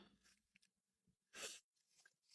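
A single loud, hissing sneeze burst after a quick intake of breath, with quiet room sounds around it.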